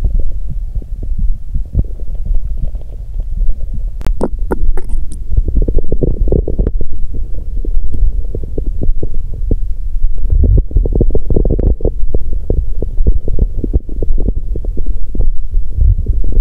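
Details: Bowel sounds from an adult woman's abdomen on day 2 of her period, after the abdominal pain eased and she lay down, with a stomach noise likened to a horn or tuba.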